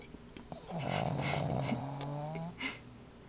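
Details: Pet named Tila snoring in REM sleep: a long, rough, rattling snore on one breath, with a short snort after; ordinary snoring in deep sleep.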